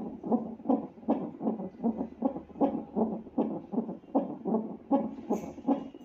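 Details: Fetal heartbeat on a CTG monitor during a pregnant woman's hospital admission while she has pains, rapid regular whooshing pulses about 145 beats a minute; fetal heartbeat on CTG Doppler.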